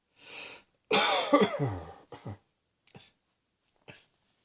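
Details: A short coughing bout: an audible in-breath, then one strong explosive cough followed by a few weaker coughs and small throat sounds.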